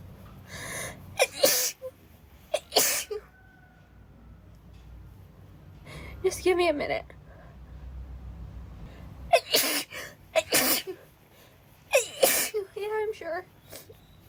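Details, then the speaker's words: Acted scene of a girl with a headache, cold and soaked from rain, sneezing rapidly: a quick run of repeated sneezes, each with a quick in-breath and sharp burst out. "be fine sorry it's just I'm cold and and wet I can't stop sneezing"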